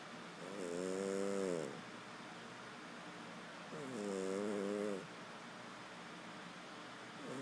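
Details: Peanut snoring: rhythmic, buzzing snores about 18 a minute, each lasting about a second, over quiet background noise.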